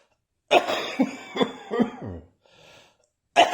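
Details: Adult still coughing occasionally: a run of harsh coughs, a short breath in, then another cough starting; persistent cough.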